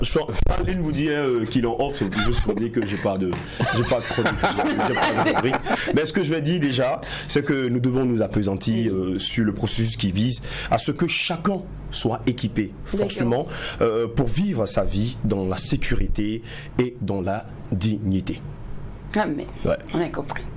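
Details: Adult male speaker; no voice disorder.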